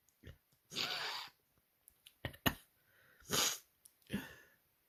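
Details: Rapid run of five wet, hissing sneezes with sharp sniffs between them, from a person with a cold, caught as fall started and lasting two days; increasingly desperate, messy sick sneezing.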